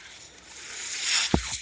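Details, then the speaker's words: Ventilator audible behind the user's own speech while he records a Star Wars podcast, delivering breaths as he talks. Mechanical ventilator breathing cycle. "Hello everyone. My name is. That noise you're hearing is my ventilator."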